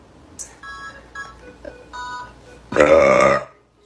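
Faint background tones and noises, then one short, loud, voiced belch near the end.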